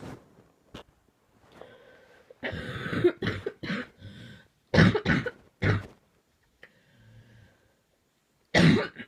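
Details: Coughing fit at 2am: repeated harsh coughs in bursts with throat clearing between them.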